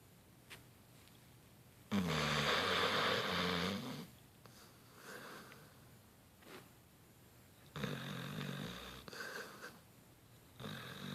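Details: A Beagle-Bloodhound dog snoring while napping: loud rasping snores on the in-breath with softer whistling breaths between.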